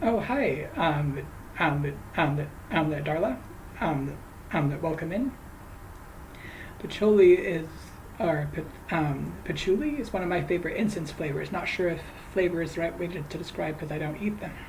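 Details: Woman who says she stutters, especially on a particular name, talking while crocheting; stuttering.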